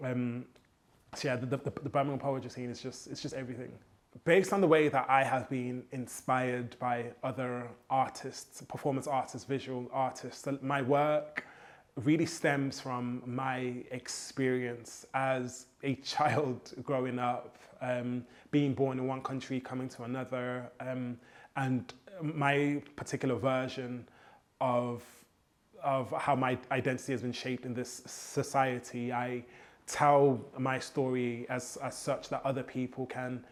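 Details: Adult man who has stammered since childhood; copying rhythmic hip hop flows helps his fluency; stuttering.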